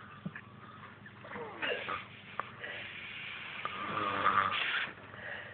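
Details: Rough, rattling snoring during sleep with a few louder snorts, partly muffled by room noise.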